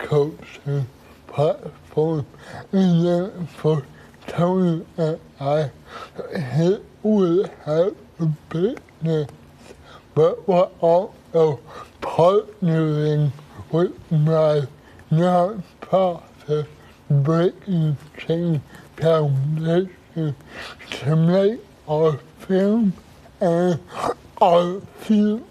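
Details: Adult man with cerebral palsy; dysarthric speech is inferred rather than stated.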